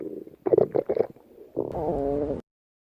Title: Jumper Jelly's Stomach Growl